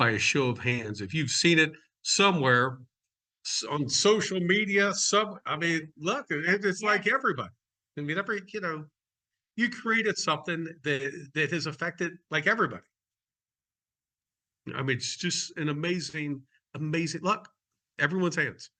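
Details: Adult male speaker; normal conversational speech.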